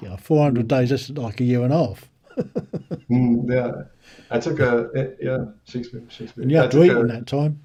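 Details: Adult male speakers in conversation; conversational speech.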